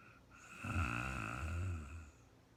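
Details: Real-time recording of a very tired woman sleeping and snoring: a single low, rumbling snore on the in-breath with a soft fluttering buzz, rising and fading over about a second and a half.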